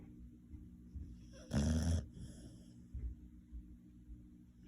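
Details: Snoring: a single loud, rough snore over quiet background breathing noise.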